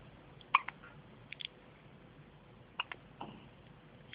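Soft, sharp hiccup clicks repeat at uneven intervals in a quiet room.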